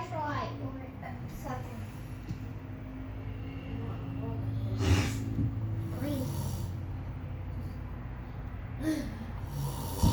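Loud, rough low snorts and rattling snores recurring with each breath, over steady background hum; heavy snoring during sleep.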